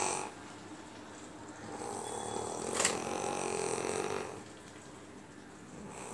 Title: Snore sound no copyright